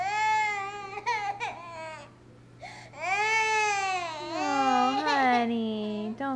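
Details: Loud, drawn-out wails with brief breaks for breath from a baby with teeth who had just eaten an oatmeal breakfast; parent suspects the crying is partly fake. Ordinary infant crying.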